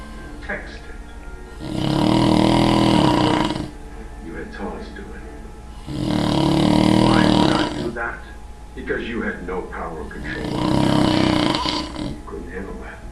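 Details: Adult man taking an afternoon nap: three loud, rough, rattling snores on breathing in, about every four seconds, with quieter breathing between and faint background music; snoring.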